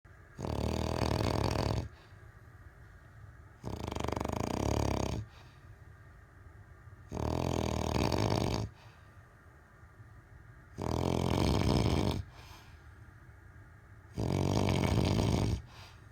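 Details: A person snoring heavily: five loud, harsh, rumbling snores at a steady pace, about 19 breaths a minute, with quiet pauses between.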